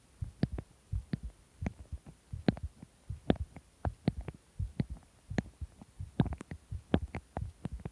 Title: heartbeat strange sound